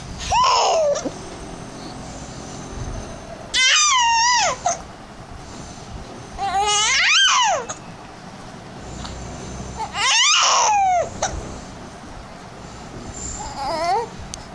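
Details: Infant who hates hiccups, fussing during a bout of hiccups: four brief, pitched, falling cries, about one every three seconds, in a quiet room.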